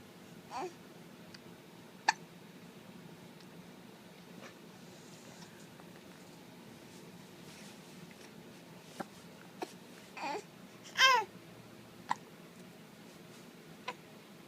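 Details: Hiccups: several brief, sharp, hiccup-like clicks at irregular intervals over a steady room hum, with a couple of louder vocal bursts.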